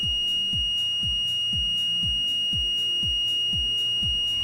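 A steady high-pitched electronic alarm sounds with rhythmic pulsing about twice a second over low thumps: the ventilator's audible alarm test, which is working.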